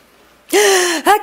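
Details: A boy's faked sneeze to get a blessing: a sharp voiced burst with a quick catch and a second short burst.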